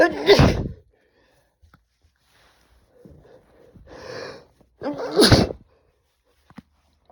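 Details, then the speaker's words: Male sneezing after taking chhikni nasal snuff, eyes watering: two forceful sneezes with a sharp inhaled build-up between. "Oh, fuck, I'm gonna sneeze. Oh. I did a little too much there. He's try and stifle one for you. Oh. Oh. Get this sneeze out. It's gonna happen."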